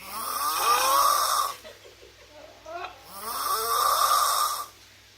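Two long, loud, rasping snores with a rising whistling pitch, separated by short snorting breaths.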